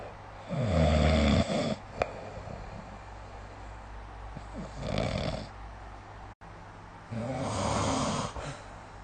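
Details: Snoring recorded with the SnoreLab phone app: three loud, rumbling, fluttering inhaled snores about every three seconds, one softer, with quiet breathing between; ordinary sleep snoring.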